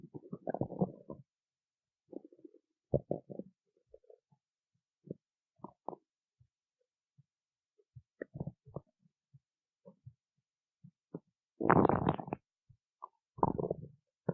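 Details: Stomach growling (borborygmi): irregular gurgles, squeaks and longer rumbling growls from the belly in a quiet room, ordinary bowel sounds.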